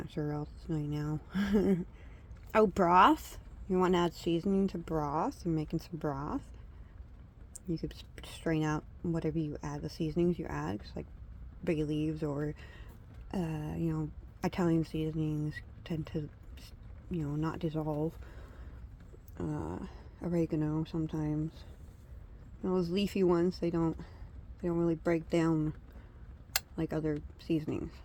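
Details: Adult woman with edentulous speech, all teeth pulled and awaiting dentures, still learning to talk without teeth; she had a prior speech impediment with trouble getting words from brain to mouth; speech impediment with edentulous speech.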